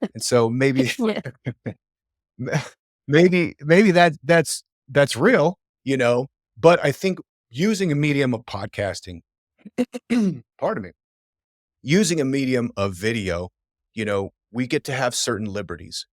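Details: Adult man who says he stammers and stutters; word and phrase repetitions and a self-correction; stuttering.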